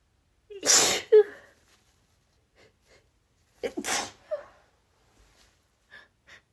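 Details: Two forceful sneezes from a female, each preceded by a quick gasping inhale, then faint breaths; stifled sneezes leading into a nonstop, rapid sneezing fit.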